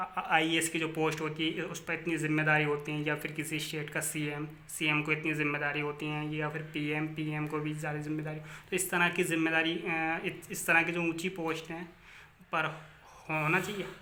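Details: Adult Hindi-speaking man who stammers, interviewing a guest about stammering: stuttering.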